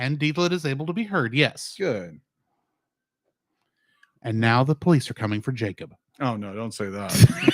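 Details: Adult male speakers in casual conversation; ordinary conversational speech.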